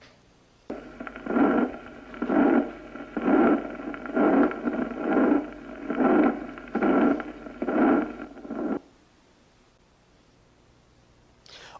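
Regular whooshing murmur about 65 times a minute, each starting loud and fading away: a decrescendo murmur of pulmonary regurgitation.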